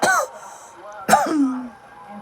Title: I js can’t stop coughing